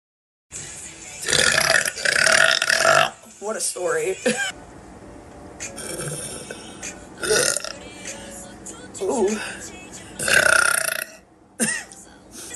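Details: Girl burping during a live stream: several loud, drawn-out belches in a row, with brief voiced sounds between them and faint background music.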